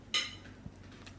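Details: Hiccups in a young dog: a single sharp, squeaky hiccup followed by a faint low thump in a quiet room.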